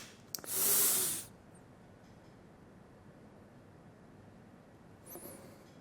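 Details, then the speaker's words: Metered-dose inhaler puff of inhaled corticosteroid for asthma, given through a spacer in a demonstration: breathe out, spray, then three breaths; two sprays make one dose. A sharp spray burst, then quiet inhalation and a soft breath out. "मी काय केलं की spray सोडला आणि तीन श्वास घेतले ज्याच्यामुळे माझं हे औषध पूर्णपणे आत गेलं"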